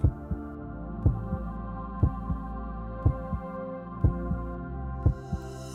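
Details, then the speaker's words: Simulated normal regular heartbeat in AED/CPR training (Nihon Kohden AED-3100): paired thumps about once a second, evenly spaced, over a low hum and music; contrasted with ventricular fibrillation. "our heart is beating regularly"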